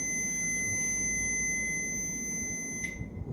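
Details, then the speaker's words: Continuous high-pitched electronic alarm tone over room noise, cut off when muted; heart rate limit alarm (limits 140 high, 60 low) on a BPL DF 2617/R biphasic defibrillator monitor during a demonstration. "This is a exam alarm limits. You can see here the channel is highest 140 and words is 60."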